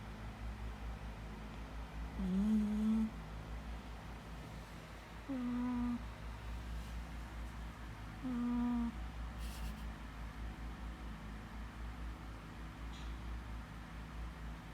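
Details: Cat snoring: soft tonal snores on three breaths about three seconds apart, roughly 20 a minute, over a steady low room hum.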